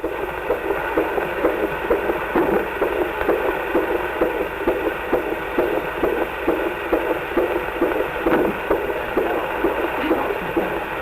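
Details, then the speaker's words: Strong, steady fetal heartbeat during natural Lamaze labor with a first child, before the 7th hour: fast rhythmic whooshing pulses, about 130 a minute, on a fetal heart monitor. "From his darkness, our child spoke in the most gratifying language, a strong and healthy heartbeat."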